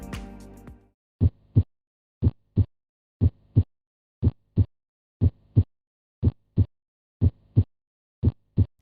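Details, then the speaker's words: Simulated normal heart sounds: steady lub-dub S1 and S2 at about 60 beats/min with clean gaps between beats. "the S1 heart sound usually sounds like the word Lu and the S2 dub"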